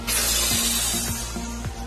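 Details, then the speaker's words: A short hissing spray burst over background music: an inhaler puff in a respiratory pharmacotherapy practicum demo. The user exhales first, presses the inhaler, holds the breath as long as possible, then exhales slowly; usually two puffs. "Langsung ini ditekan, kemudian ditahan sekuat mungkin, baru keluarkan napas pelan-pelan. Antem lagi sekali lagi, biasanya 2 kali. Habis itu semprot lagi,"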